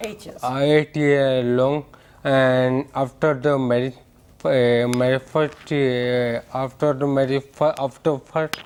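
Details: Adult male with hereditary ataxia for about eight years; ataxic dysarthria.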